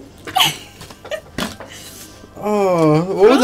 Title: Funny hiccup on stream xD